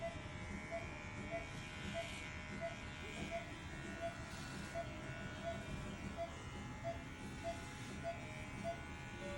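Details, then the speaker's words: Steady low buzz of electric clippers with faint rhythmic ticks, shaving a dog's surgical site before a canine neuter by a veterinary extern; electric clippers. "Okay, I'll go ahead and shave my patient here."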